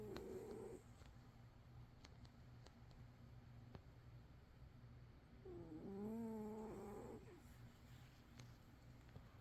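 A sleeping cat gives a soft nasal snore with a steady low purr-like rumble beneath, in a quiet room.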